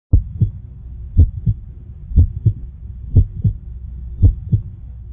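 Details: Heartbeat: steady paired lub-dub heart sounds at about 60 beats a minute over a low background hum.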